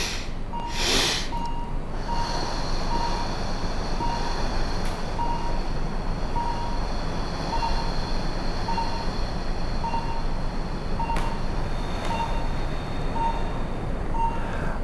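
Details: Adult doctor's own heart rate on a monitor (SpO2 96%, rate in the 60s) during cyclic breathing: nose inhale with an extra sniff, then a 10-second mouth exhale. Beeps quicken on inhale and slow on exhale, showing respiratory sinus arrhythmia.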